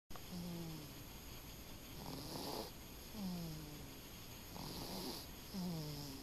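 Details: Soft rhythmic snoring with low voiced snorts on each breath, about three breaths in six seconds, over steady room hum, recorded in the dark; snoring.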